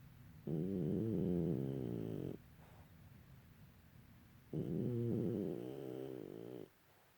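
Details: Two long, loud, fluttering snores on inhalation, about four seconds apart, caught during sleep; snoring.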